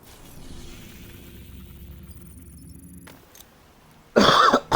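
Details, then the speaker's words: An adult gives one loud, harsh cough burst after a few seconds of low room noise; the person says they are coughing a lot. "As you can hear, I'm coughing a lot. So, I need to go and sort this out."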